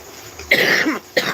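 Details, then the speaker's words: Two harsh cough bursts from an adult man with chest congestion that is breaking up and being spat out, self-treated with Robitussin DM; he suspects it came from trike exhaust: loose productive cough. "you can hear you can hear the cough the congestion in my chest but it's breaking up and it's in my sinuses in in my lungs so I've just been spitting it out"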